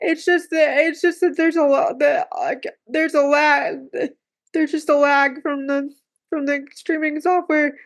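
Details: Woman with cerebral palsy who says talking is hard for her; speech difficulty with cerebral palsy.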